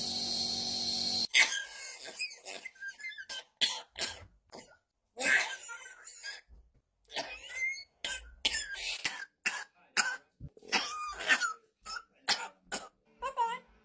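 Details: Rescue parrot imitating the chronic cough of its owner's 66-year-old father, who has had irreversible COPD since 2008. Repeated harsh, dry cough bursts and throat-clearing: an imitated chronic cough.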